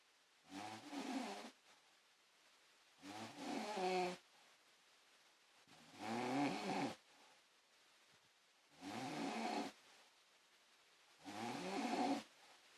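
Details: Mother snoring during sleep: five rough, rattling breath sounds at regular intervals, about 22 a minute, in a quiet room.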